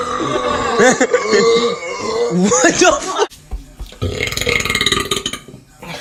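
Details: One long, loud, rumbling voiced belch lasting about three seconds, followed by music and noise; burping.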